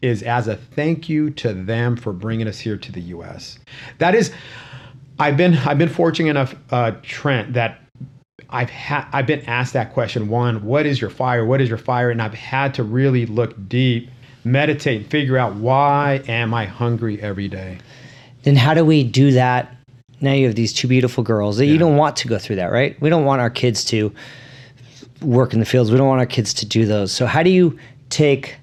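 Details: Adult male with a self-reported stutter he calls a disability; stuttering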